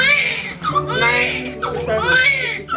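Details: Newborn girl giving two loud, high-pitched wailing cries just after birth, with music playing underneath; a normal, vigorous newborn cry.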